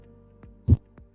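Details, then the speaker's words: Veterinary internal medicine lecture on aging pets' cardiovascular disease: example normal heart sound recording, described as the same in dogs and humans, heard best at the apex over the ventricles; valves closing with systole and diastole; normal heart sounds. "근데 아까 이제 정상음 들으셨잖아요"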